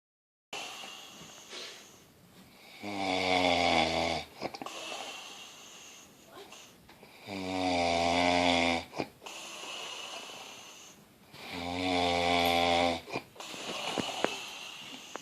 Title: Look at him snore